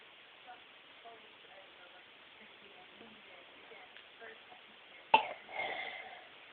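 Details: Male, prompted to cough to show a doctor how bad his cough was: quiet room with soft talking, then a single abrupt cough-like burst and a brief rough exhalation; cough.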